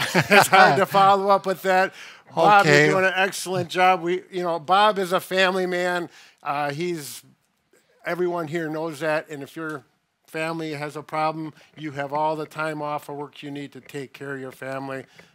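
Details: Adult man speaking; normal speech.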